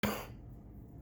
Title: COVID cough